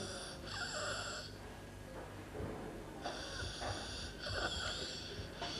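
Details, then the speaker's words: Harsh, high-pitched noisy breaths on inspiration from a child aged 2 months to 5 years: stridor, a harsh noise on breathing in. "next look and listen for stride or stride or is a harsh noise made when the child is breathing in"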